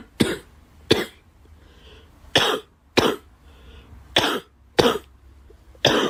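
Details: Seven sharp, dry single coughs from a girl, spaced unevenly over about six seconds, roughly 33 a minute, in a quiet room; cough.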